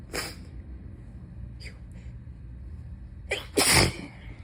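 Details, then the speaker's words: An adult who is still sick, feverish, croaky and congested, and also coughing, has a sneezing fit: a sharp sneeze, a soft intake, then a gasp and a forceful wet sneeze, with sneezes repeatedly getting stuck. "Because I need to sneeze really bad. It's like as soon as one stops, another one starts."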